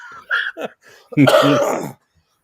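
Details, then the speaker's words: Adult male podcast host, calling himself one of the old men, gives a single voiced, throaty cough after a few softer throat sounds in a quiet small room; an ordinary cough. "my God you can hear my old man cough"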